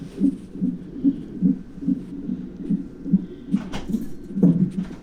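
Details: Fetal heartbeat during monitoring: rapid whooshing at about 150 per minute, with a few stronger jolts from fetal hiccups.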